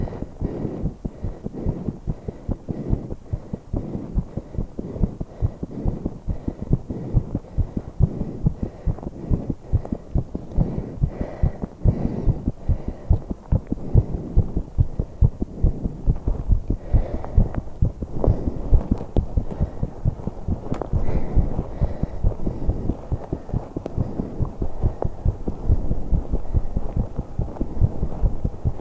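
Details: 21-year-old female's heartbeat and breathing during exercise while holding her breath, which she could manage only a few seconds: fast, dense thumping near 140 per minute with breath noise and a steady hum; rapid exercise heartbeat.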